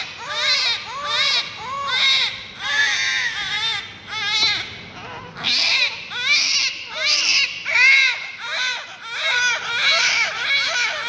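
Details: Newborn twins born to the same mother at the same time: loud, rhythmic, high-pitched wails overlapping in short repeated bursts; normal newborn crying.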